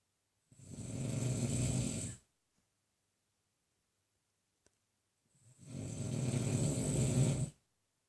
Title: Secret snoring of my man....I wasn't even asleep!!